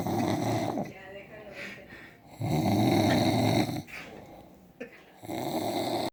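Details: Man snoring: loud, rough, low-pitched snores alternating with quieter breathing, roughly one every few seconds, in a small room.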